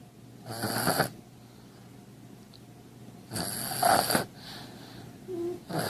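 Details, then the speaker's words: Sleeping infant snoring loudly in rough bursts, about two clear snores in six seconds, with quiet gaps between them. "Baby is snoring. Hi, Daddy. I know. What is that crazy noise?"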